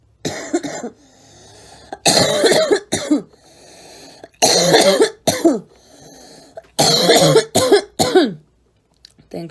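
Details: Young woman coughing: repeated bursts of loud, harsh coughing, several coughs per burst, with breaths drawn between bursts.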